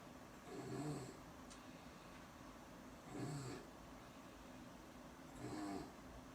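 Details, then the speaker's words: Sleeping girl on a pediatric ward after ICU, sedated with Ativan, swelling of vocal cords and airways, never snored before, lungs not fully recovered: three low, rattling snore-like breaths about 25 a minute: stertor. "It's swollen, so it makes it harder for the air to go in and out."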